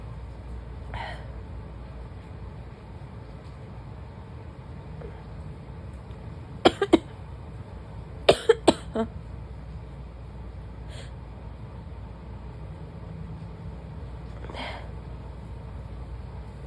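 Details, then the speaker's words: Two short clusters of dry, hacking coughs over steady room hum, with faint throat sounds, during an ongoing sneezing and coughing bout; something feels stuck, and the cough may turn wet. "It's stuck. It's just making me cough."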